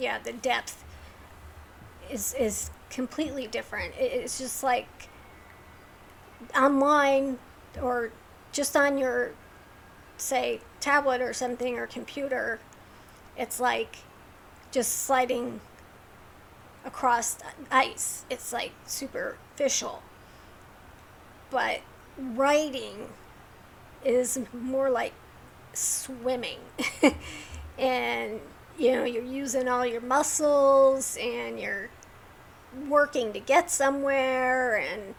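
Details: Woman with a neurological condition causing tremor of the hands, voice and head, plus mild tardive dyskinesia; she strains to talk because of it, making her throat sore: vocal tremor.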